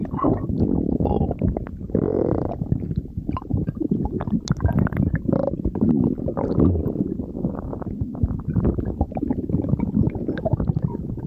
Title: stomach growling